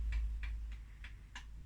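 Five quick, evenly spaced taps on a stethoscope chest piece, checking it transmits sound before listening to the lungs.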